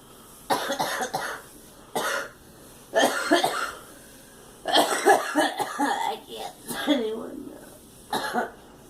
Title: Girl coughing